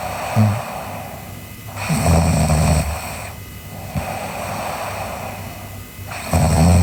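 Low rough rumbles recurring every few seconds over steady room hum, the vibrating sound of snoring during sleep.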